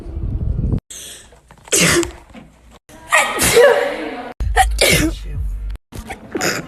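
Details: Adult woman's sneeze: a quick indrawn breath, then an explosive, breathy sneeze burst, repeated in short bursts; an ordinary sneeze.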